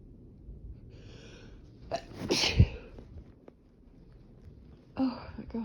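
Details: Person in a sneezing fit, part 2, with itchy nose: brief indrawn breath, then one sharp explosive sneeze and a short exclamation.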